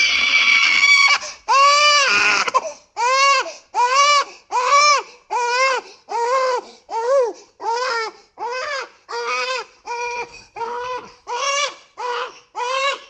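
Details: Rhythmic, high-pitched newborn cries in short repeated bursts, about 79 a minute, with quick breaths between; a strong, typical newborn cry, from a sound-effects recording.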